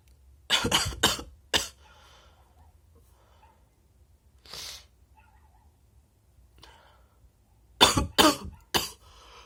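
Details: Wet sneezing and nose blowing with bursts of harsh coughing: two bursts of three to four coughs with a soft breath between, seven coughs in all.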